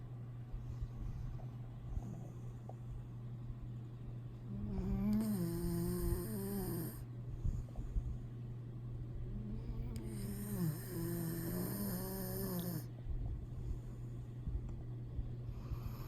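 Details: Pitbull dog asleep: two drawn-out, rattly snores with a whining tone over a steady low background hum; snoring during sleep.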